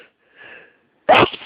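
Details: Hay fever (allergic rhinitis) sneezing fit before the morning antihistamine: soft breathy intake, pause, then one loud forceful sneeze.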